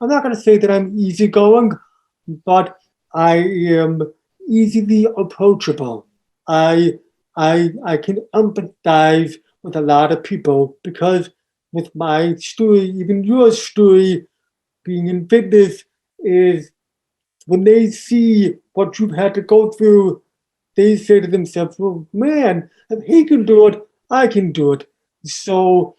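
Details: Adult man born three months premature in 1976, congenital hearing loss found at age two and a half, orally taught to listen and speak, also has ADHD; deaf speech (speech of congenital hearing loss).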